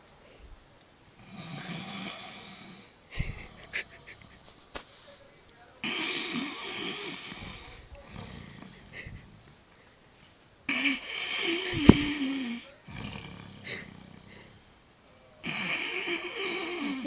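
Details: Snoring: loud, rattling snores with harsh in-breaths, about one every two to three seconds, with quiet gaps between.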